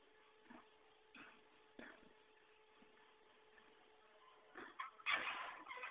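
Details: A small pet gives several faint, short coughs ending in a louder burst; the squeaking is another animal pulling hay from a feeder behind the recorder. This was filmed to show friends the pet's coughing behavior.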